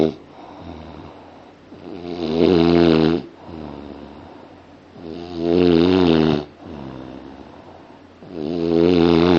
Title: Rhythm of Snoring